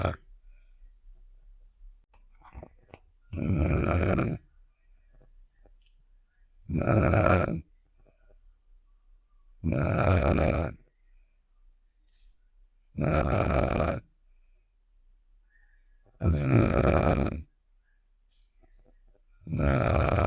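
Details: Simulated cartoon snoring sound effect of the character Star: regular rasping snores, about 19 a minute, each around a second with quiet pauses between.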